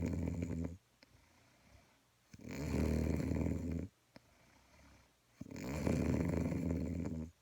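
Loud, rough, low snores on each breath, with quiet gaps between them; about three snores in seven seconds.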